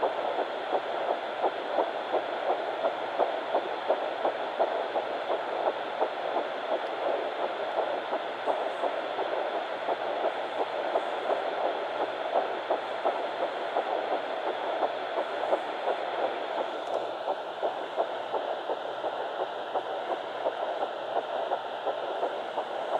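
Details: Fetal Doppler of Baby A at 9 weeks 6 days, found on the mother's left side after days of searching: rapid, steady whooshing pulses through Doppler hiss, a normal early fetal heartbeat.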